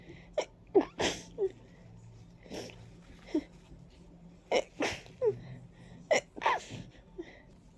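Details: Rapid series of about eight wet, congested sneezes with catching breaths between, an allergic rhinitis sneezing fit from ragweed and dust, with a stuffy, runny nose and watering eyes.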